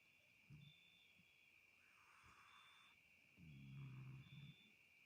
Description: Funny cat snoring more than her madoh 😅